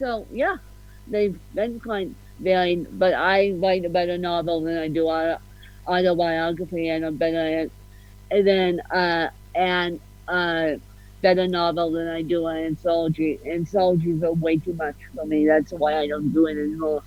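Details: Adult woman with cerebral palsy, officially diagnosed at 31 as ataxic (ataxic-spastic, 'mixed') cerebral palsy, with a slight speech impediment. Dysarthria (ataxic cerebral palsy).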